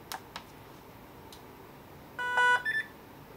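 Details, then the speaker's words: A few faint clicks, then a short chord of electronic tones; a normal power-on alert as a Philips V60 ventilator is switched on during setup for CPAP and BiPAP non-invasive ventilation. "so now we are ready to sit our sitting in our machine we will switch on our machine from the side in the screen"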